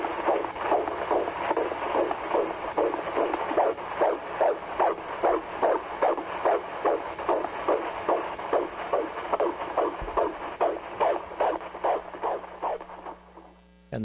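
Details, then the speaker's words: Rapid, regular whooshing pulses at about 150 a minute, the heartbeat of an 18-week fetus picked up by ultrasound and played live at a congressional hearing; fetal heartbeat. "theme of this bill is if a heartbeat is detected the baby is protected"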